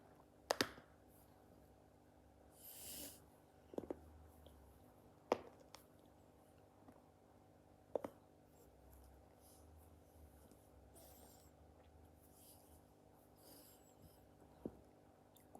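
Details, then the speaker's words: Self-manipulation to crack a painful neck: a few sharp, separate, loud pops in a quiet room, neck joint cavitation. "crack my neck because it really hurts, so let me"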